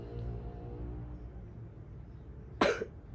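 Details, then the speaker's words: Nursing demonstration of assisted deep breathing and coughing: male patient hugs a pillow, inhales, then gives a single brief deliberate cough into a tissue to clear the airways; voluntary cough. "so i will need you to inhale and cough onto this tissue okay sir now"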